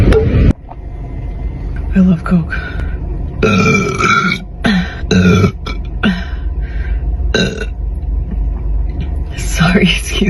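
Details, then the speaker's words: Girl burping in the evening after drinking: several loud, low, drawn-out belches mixed with voiced sounds over steady background noise and faint music; she says burps sometimes feel stuck; burping. "excuse me. Sometimes it feels like the burps get stuck and then I don't enjoy myself."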